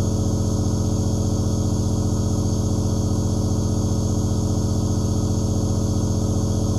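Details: Steady, even motor hum with a fast regular pulse and hiss, the continuous running sound of a nebulizer making aerosol, recorded as half-hour white noise.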